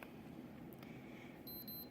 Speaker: wait for it to beep twice to indicate that it's ready.